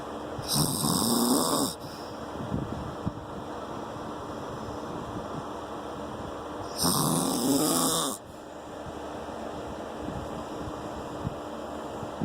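Two loud, rough snores on breathing in, about six seconds apart, against steady room noise.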